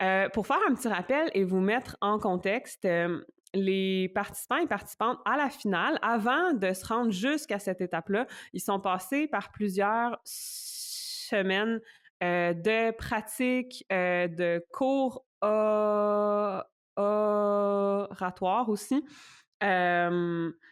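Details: Adult woman who stutters, a doctoral candidate in speech-language sciences; stuttering.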